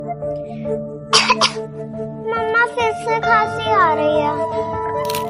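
Two quick acted coughs from an adult woman over background music, followed by a child's voice.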